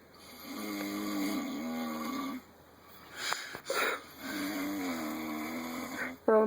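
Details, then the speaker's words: Male asleep on a couch in a camper, snoring: two long, loud, rattling snores with brief room noise between; ordinary snoring. "you think it's going to end just is louder but so we just sit here playing cards watching make a snore"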